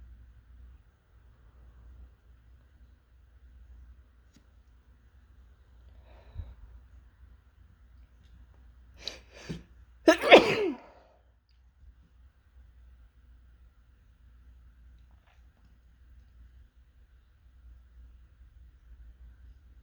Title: Desperate Sneezing